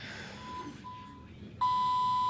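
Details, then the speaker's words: IV infusion pump alarm in a mother's hospital room after an emergency C-section, going off repeatedly and malfunctioning since the surgery: a steady high-pitched electronic tone over room noise, signalling air in the line. "still going off and I just have to call for the nurse just one of the many things we have to deal with moving down with it bad since yesterday"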